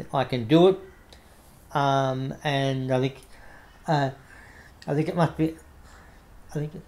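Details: Adult man with cerebral palsy affecting the right arm and leg, diagnosed after severe meningitis in infancy; he reports a mild stutter he manages by calming down; audible word and phrase repetitions; stuttering.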